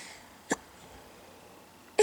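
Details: Two short, sharp, abrupt hiccups about 1.5 seconds apart in a quiet room from a baby girl during tickling play; hiccups.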